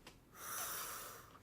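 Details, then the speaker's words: Single deep airy inhalation of about a second through a HandiHaler capsule dry powder inhaler for COPD medication, with a faint hiss as air passes the device. "deep breath in and get that medication down into the lungs and then just probably ether away capsule works very well"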